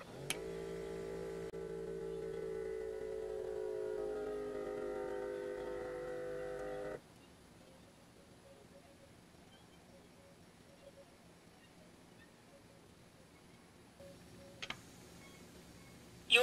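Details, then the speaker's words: Talking HYLOGY upper-arm home blood pressure monitor on a standing adult: steady motor hum as the cuff inflates automatically, then quiet deflation with soft clicks and faint beeps; reading announced 148/94, pulse 83. "So we're going to go ahead and take my pressure again. Once again, because I am now standing, it will be wrong, but it will at least announce it for you so you can hear it."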